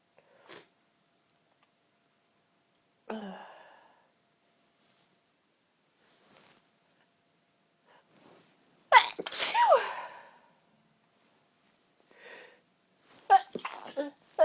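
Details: A sneezing fit: a run of sharp, forceful sneezes with quiet breaths and sniffs between them in a quiet room; one of many such fits that afternoon.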